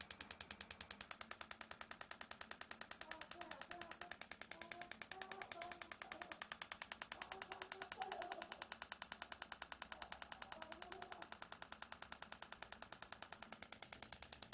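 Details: Extracorporeal shockwave therapy on the biceps femoris (hamstring) muscle chain of a patient with buttock pain: rapid, very regular sharp clicking pulses, about 200 a minute, with faint talk behind as the shockwave device fires.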